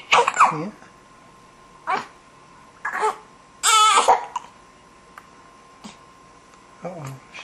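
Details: Infant girl about 17 days old, holding her head up: several brief, abrupt voiced catches a few seconds apart with a faint steady tone behind; hiccups.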